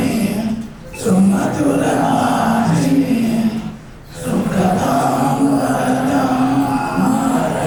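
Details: Group singing with music accompaniment by survivors of total laryngectomy for laryngeal cancer, who breathe through a permanent neck stoma and use voice prostheses, oesophageal speech or electrolarynx; alaryngeal voice.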